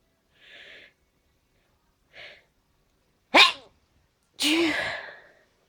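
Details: Tail end of an allergy sneezing fit at night: two quick in-breaths building to two forceful sneezes, each with a loud explosive release.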